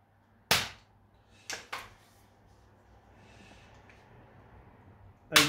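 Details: Activator V adjusting tool used during Activator Method basic scan on a woman with stiff right shoulder and knee after Zumba, at the right medial scapula: four sharp, snapping spring-loaded clicks.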